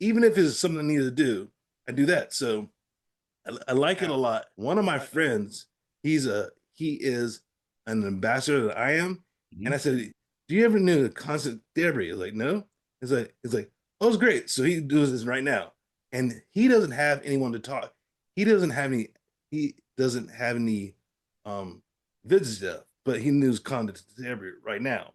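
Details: Adult man with aphasia after a stroke, who says his speech was not coming out and he still has trouble producing the first sounds of words; aphasia.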